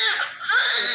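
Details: Male newborn, just delivered by normal vaginal delivery, OFC about 34 cm, passed meconium, cleaned of vernix, active with good Apgar: a loud, strong, high-pitched cry with a short break, the vigorous cry of a healthy newborn.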